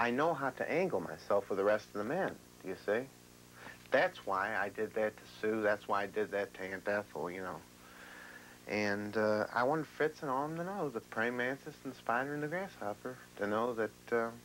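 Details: 35-year-old man with severe schizophrenia, ill for 17 years, with extreme thought disorder, in real 1990 documentary footage: disorganized speech (thought disorder).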